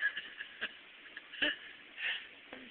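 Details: Newborn baby girl hiccuping in hospital just before discharge home; hiccups.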